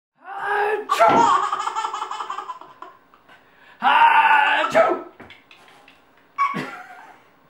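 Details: An adult's exaggerated fake sneezes, each followed by bursts of belly laughter from a 9-month-old infant; imitation sneezes, not real ones.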